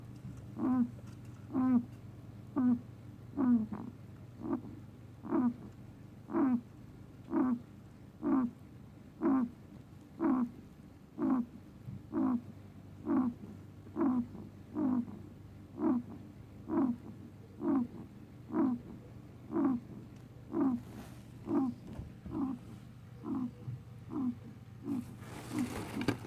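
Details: 4-year-old male guinea pig making short, sharp coughing- or sneezing-like noises that repeat steadily about once a second; the noises continued after a vet visit, and the cause is unknown.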